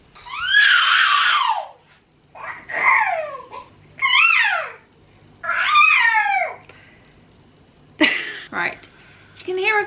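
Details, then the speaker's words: A teething 7-month-old baby in a high chair, in a bad mood, cries in repeated loud, wailing bursts with short pauses between them, in a small room; infant crying. "baby in the background it's because paul casey is teething he's not in a very good mood so yeah i'm gonna have to take him out of his high chair in a minute"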